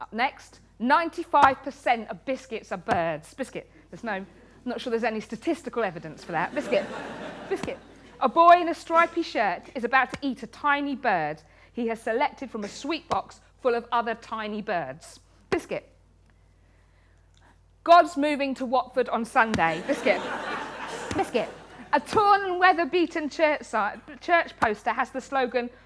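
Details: Woman with Tourette syndrome, a neurological condition causing involuntary movements and noises; frequent vocal tics include "biscuit" (up to 16,000 times a day), "hedgehog" and "cat"; also has coprolalia. Finding: Tourette syndrome vocal tics.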